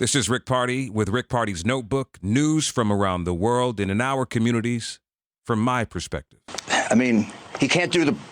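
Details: Adult male speaker; typical speech.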